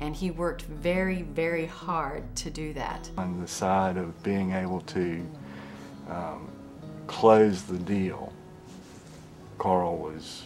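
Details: Adult male speaker narrating over background music; ordinary speech.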